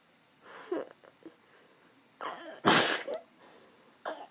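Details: A person who says they look quite ill takes a quick in-breath, then gives one loud, explosive burst of air. A single sneeze.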